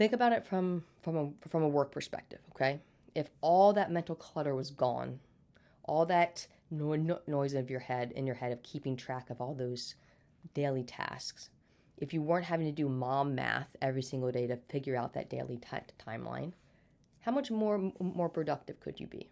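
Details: Adult woman with stuttering present since birth, who had speech therapy throughout childhood and still stutters day to day as an adult.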